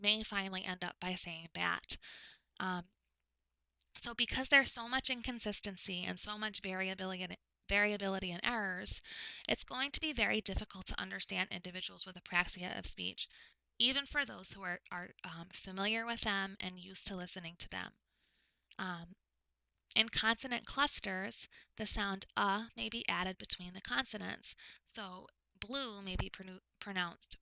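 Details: Adult woman lecturer; typical speech.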